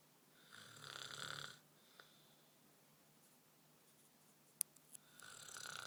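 Two hissing, fluttering breaths with a quiet pause between, in a small quiet room; ordinary snoring.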